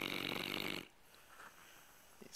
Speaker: it's really tired he's snoring lab